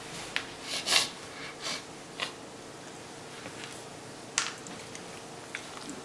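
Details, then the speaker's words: A pug just extubated after surgery to shorten her elongated soft palate and open her nares takes her first short, snorting, hissy breaths; airway swelling still narrows airflow and should improve. "that's your first few breaths without the uh soft pallet so it'll get better and better"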